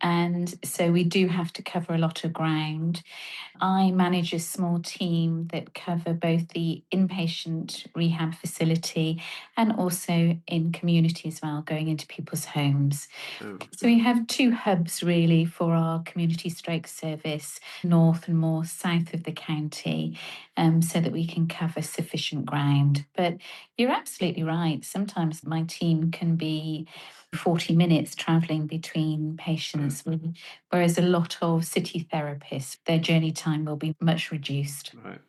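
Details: Adult woman speaking, brief second voice; normal fluent speech.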